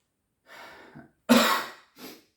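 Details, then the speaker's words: Three short coughs in a quiet room, the middle one loud and forceful, from an adult (90.5 kg) with persistent coughing fits for about a week during a mild illness, who also has severe back pain. "the only thing is that that I have these coughing fits uh and it's been quite persistent honestly and quite annoying"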